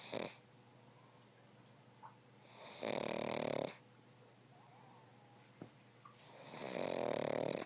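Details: Dog snoring while asleep in owner's lap: two long, rumbling, fluttering breaths with quiet pauses between.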